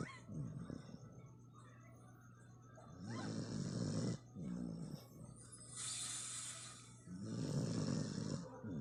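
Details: Philippine native dog (Asong Pinoy), female, snoring loudly in sleep: rattling snores alternating with softer breathing, several cycles over about nine seconds.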